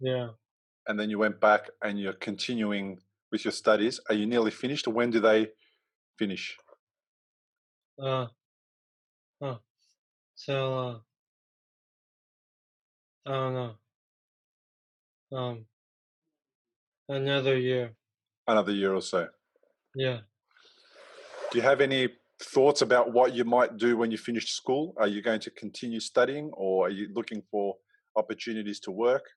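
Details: Young man, three years after a stroke at age 15 from a ruptured arteriovenous malformation that caused a coma; trouble getting words out, not understanding: aphasia.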